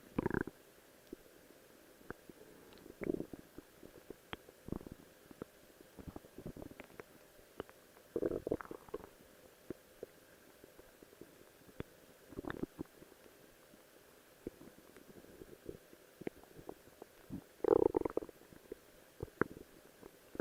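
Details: Person's own stomach growling while posing in a cosplay outfit: scattered soft gurgles and brief rumbles over a quiet background; ordinary bowel sounds.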